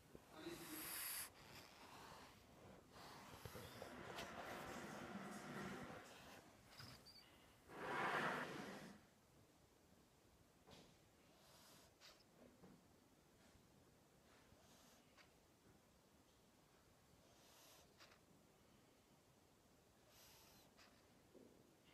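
A sleeping cat's soft snoring: faint, airy snorts repeating every few seconds after a louder, noisy start.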